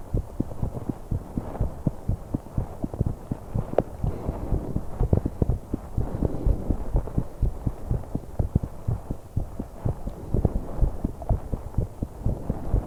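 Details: 21-year-old female, heart and breathing sounds recorded while pedalling an exercise bike: fast, steady heartbeats near 125 a minute under heavy breathing noise, recording noisy to capture breath sounds.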